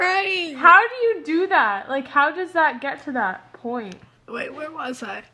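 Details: Adult woman speaking; ordinary speech.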